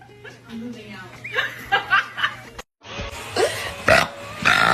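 Several loud, drawn-out belches with music in the background; repeated burping.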